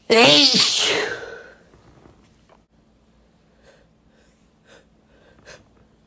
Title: Wet Male Sneezes